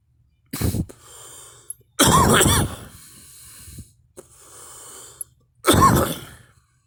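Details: Three forceful coughs from the recording person, each followed by a long, audible, breathy in-breath.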